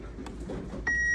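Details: Automated external defibrillator (AED) being turned on after connecting adult pads, EMT student training demonstration: a click followed by a steady high electronic tone; AED power-on tone.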